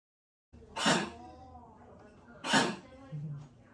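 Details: Dog with tracheal collapse: two harsh, explosive honking coughs.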